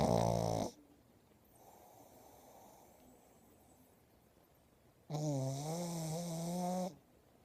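Loud rattling snore at the start, quiet breath between, then a long vibrating snore with a buzzing, tonal quality; snoring in a small dog.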